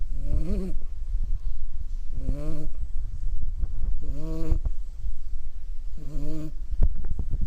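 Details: Sleeping puppy: four drawn-out, tonal, whining breaths about two seconds apart over a low rumble; snoring.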